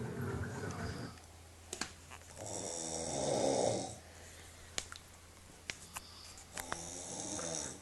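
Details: A person asleep: loud, buzzing inhaled snores alternating with quieter breaths, a few clicks and room noise; snoring.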